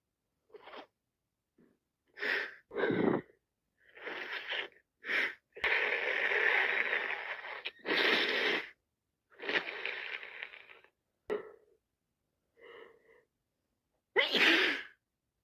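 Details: Person with a cold who can't stop sneezing: a run of about ten sneezes close together, some with sharp intakes of breath between them; repeated sneezing.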